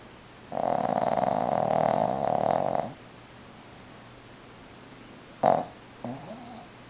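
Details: One long, loud, buzzing snore on the in-breath, then a short snort and a softer rattling breath; snoring.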